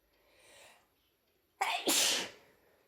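A faint breath in, then one sharp, explosive sneeze from an adult with a cold.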